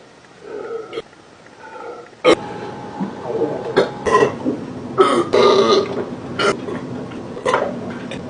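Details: Adult male stomach growling and burping: several loud, rough throaty belches at irregular intervals over a low rumbling background; burping (eructation).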